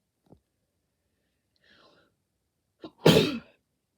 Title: Reviewing Paul walkers Mitsubishi Eclipse *sorry I sneezed *